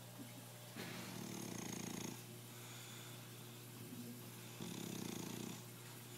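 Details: Bulldog napping: two long, low, rattling snores with quieter breathing between them and a steady hum in the background. Dog snoring.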